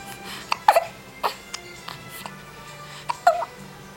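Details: Hiccups from a young child: several short, sharp, voiced catches a second or so apart over background music.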